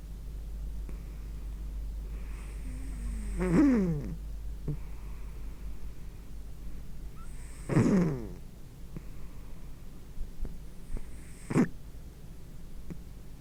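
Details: Three loud, rough, human-like snorting breaths over about 13 seconds with quiet gaps, about 14 breaths a minute: snoring in a sleeping overweight pet cat, recorded with a microphone.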